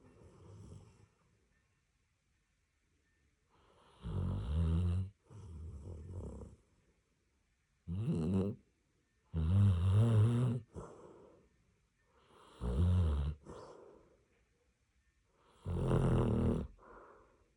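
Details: Samoyed dog snoring while dreaming: deep, rumbling snores about every three seconds, some with brief trailing sounds, with quiet pauses between.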